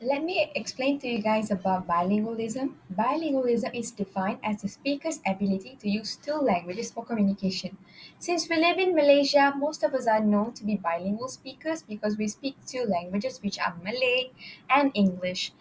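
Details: Adult woman; normal speech.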